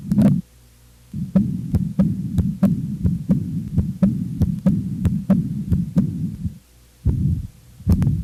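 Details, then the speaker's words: Adult cardiac auscultation from a nursing physical-exam lesson: regular heartbeats with a continuous rushing sound filling the gaps between them, a heart murmur from a heart valve lesion. "pode-se encontrar ruídos anormais que são chamados sopros os outros são vibrações decorrentes de alterações o fluxo sanguíneo viscosidade e turbilhonamento que ocorrem principalmente nas lesões musculares vamos ouvir agora os sons correspondentes as principais lesões das valvas cardíacas"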